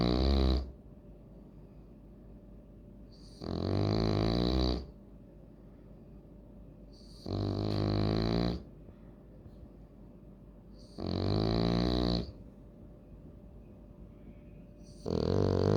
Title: French Bulldog Snoring Like A Grandpa😅😅 l Loki Frenchie